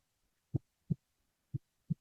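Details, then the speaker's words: Teaching audio of atrial myxoma: two heart cycles of paired low-pitched thuds at about 60 a minute, a tumor plop in early to mid diastole from the tumor striking the mitral valve. "So you can hear now there's a low pitch sound or your tumor plop during early or mid diastillate results from the impact of the tumor against the mital valve"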